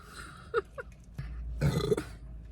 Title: Burping contest #burpy #burping #funny #burp #belching